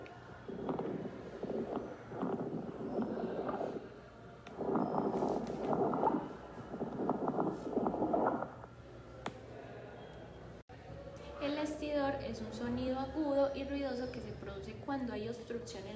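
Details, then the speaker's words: Coarse crackles (rales): wet, bubbling sounds from fluid in the alveoli, heard on patient breathing during auscultation; possible causes include pneumonia, pulmonary fibrosis or congestive heart failure. "los desertores son eh ruidos húmedos que suenan como burbujas y se producen cuando hay líquido en los alveolos puede ser causado por neumonía fibrosis pulmonar o insuficiencia cardíaca congestiva"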